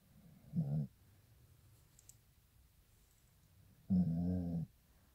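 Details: Two loud, low, rumbling snores a few seconds apart from a sleeping pit bull in a quiet room: human-like snoring.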